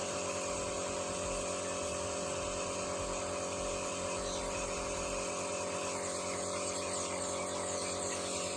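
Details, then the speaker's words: Steady mechanical hum with fine buzzing whine from a home nebulizer with face mask producing vapour for inhaling glutathione; nebulizer running. "Et on allume le nébulisateur. Et voilà. Ouais, ça fait de la vapeur, vous voyez."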